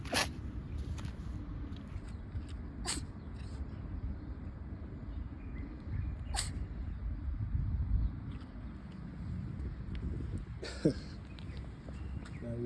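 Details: Friendly cat outdoors gives brief, soft sneezes over low rumbling background noise.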